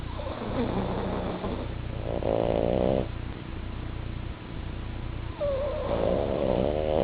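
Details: Pug and French bulldog snoring: rough, rattling snores with steady low noise between louder snores.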